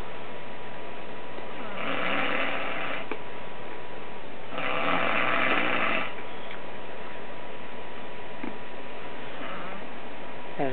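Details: Sleeping man snoring before being woken with an air horn: two loud, rasping snores of about one to one and a half seconds each over steady background hum.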